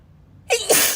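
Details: Girl sneezing while reading a passage aloud: a quiet pause, then a sudden explosive sneeze with a sharp two-part burst of air.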